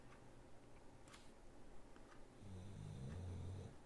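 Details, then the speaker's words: A dog lying on the floor beside a live auction host snores with a low grunting noise under the auctioneer's speech. "Sold to Sissy at $5, and if you guys hear that grunting, low grunting noise, that's my dog snoring, laying on the floor right next to me."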